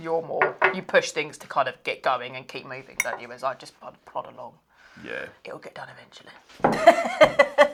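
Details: Adult speaker; normal speech.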